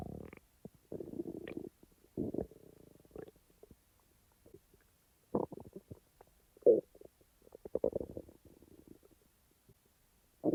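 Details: Person's own stomach sounds, recorded and edited rather than in real time: irregular gurgles and bubbling rumbles with quiet gaps; normal active bowel sounds (borborygmi).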